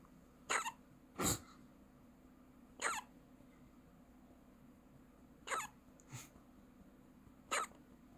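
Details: Six short, abrupt breathy catches over about eight seconds in a quiet room from a newborn baby, hiccuping for about a minute, eyes looking sideways while hiccuping; hiccups.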